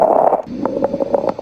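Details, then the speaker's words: Educational example of crackles heard with a stethoscope: short, scattered popping sounds over the breath. Fine crackles sound like fingers through hair and clear with coughing; coarse crackles are wet and bubbling and do not. "crackles there's two types fine sounds like when you move your fingers through your hair and course like wet bubbling big difference is that fine clears with coughing and course does not"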